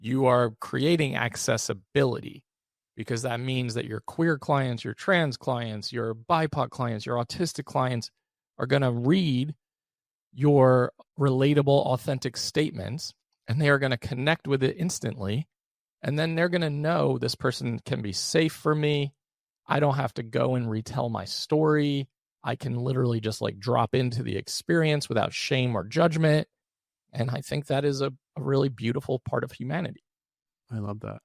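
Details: Adult male with a rare chronic recurring throat condition; endoscopic surgery 2021, open throat surgery 2022 left one vocal cord paralysed; voice improved after extensive speech therapy but still vocal fry, tires daily; finding: vocal fry after unilateral vocal cord paralysis.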